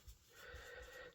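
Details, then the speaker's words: Dog snoring in the background of an indoor recording: a short stretch of low, rumbling breaths with a faint whistling tone, heard quietly in a small room. "that is Lexie you can hear snoring you haven't heard her for a while"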